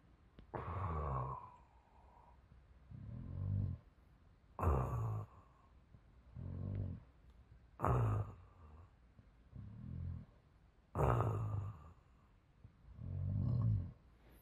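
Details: Harsh, rattling snores on each breath in and softer noise on each breath out, about 10 breaths a minute, from a user still snoring while wearing a CPAP machine; possible causes are insufficient pressure, EPR settings or the mask; snoring during CPAP use.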